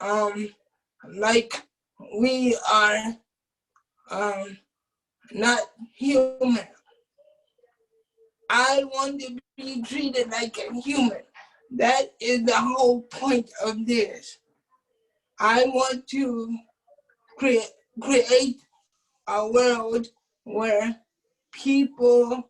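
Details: Adult man with cerebral palsy who uses a wheelchair, whose family was told by doctors at birth that he would not be able to speak; dysarthric speech in cerebral palsy.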